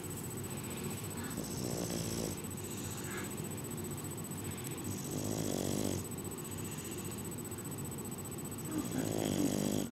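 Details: A bulldog, asleep, possibly with one eye open, snoring: low, rattly, nasal snores about every four seconds over steady room hum; ordinary snoring.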